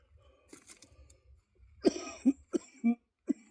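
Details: Productive cough in cystic fibrosis after a set during a shoulder workout: about five short, forceful cough bursts over low room rumble; he reports wheezing from mucus in his airway or upper lungs.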